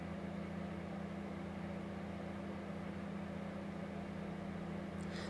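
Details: Audiologist doing ear microsuction on a deep wax plug with dry skin peel, after oil was applied, in a patient with prior cotton bud use: continuous low steady hum with rushing suction airflow.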